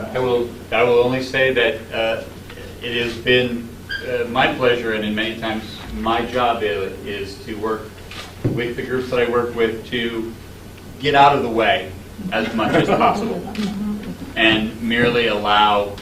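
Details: Adult man; typical speech.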